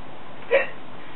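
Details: Genuine hiccup from a person with hiccups: one brief, abrupt hiccup sound against steady background hiss.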